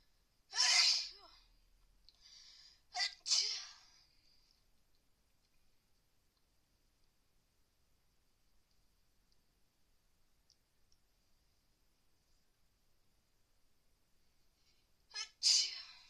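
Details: Person with a very bad cold and fever after bathing in freezing pool water: three sharp, explosive sneezes, two close together and one after a long quiet pause; repeated sneezing.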